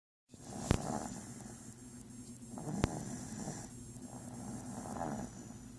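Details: Snoring during sleep: slow, rough, rumbling snores with each breath, about one every few seconds, with a couple of sharp clicks and steady background hum.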